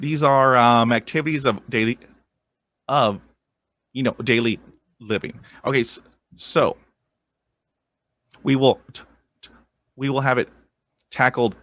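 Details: 23-year-old man with lifelong stuttering, first vividly remembered around age seven; he has had speech therapy and attended an intensive fluency program: stuttering.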